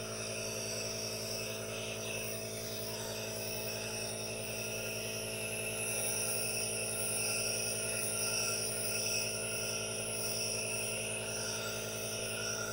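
Steady mechanical hum with a continuous hiss and faint rhythmic pulsing from a running nebulizer; normal device operation.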